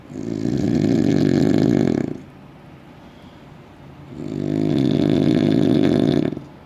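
Two long, loud, rattling inspiratory snores about two seconds each, separated by a quiet pause; heavy snoring.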